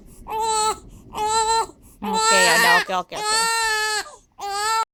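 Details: Infant with hiccups lying on a bouncer: five rhythmic wailing cry bursts, about one a second, some strained and breaking; ordinary fussing cry.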